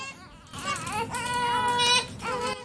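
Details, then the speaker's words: Newborn twin about one month old, crying with a short, high-pitched wail that rises and holds over soft room noise during a home 30-day photo shoot when both twins cried; normal infant crying. "촬영할 때 둘 다 울어니 하나도 정신이 없었고 촬영도 [울음] 제대로 할 수 없었다."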